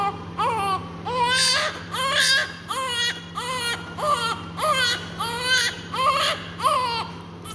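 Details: Repeated strong, rhythmic cries with short breaths between bursts from a 2-minute-old baby girl during cleaning of blood and vernix; a vigorous newborn cry.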